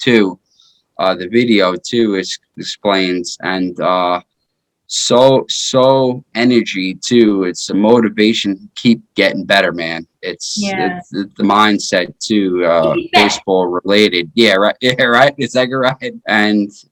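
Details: 33-year-old man with aphasia after a stroke in 2019 that followed repeat heart surgery; aphasia.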